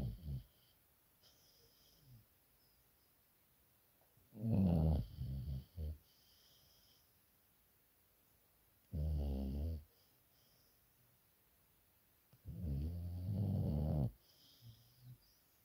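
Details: Low, fluttering rumbles with the breath, irregular and a few seconds apart in a quiet room, from a female who is asleep: snoring.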